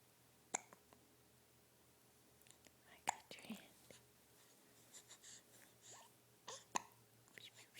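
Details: Baby boy with hiccups: three sharp, abrupt hiccup bursts at irregular intervals against quiet room noise with soft whispering; typical hiccups.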